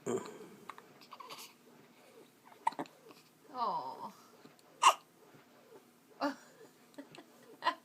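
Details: Infant twin girl with hiccups: several short, sharp hiccups spaced a second or two apart, with soft fussing sounds and room noise.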